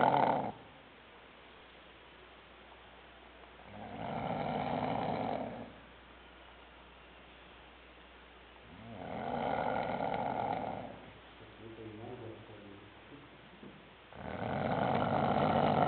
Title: RONCANDO.AVI